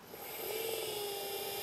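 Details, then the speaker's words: Steady high-pitched whine of a dental implant drill, the 1.2 drill with 8 mm stop, boring an initial pilot osteotomy at the midline in a model jaw for Zest LODI overdenture implants. "the first step is to go ahead and take your 1.2 with your 8 millimeter osteotomy drill stop right at your midline marker what I like to do is run"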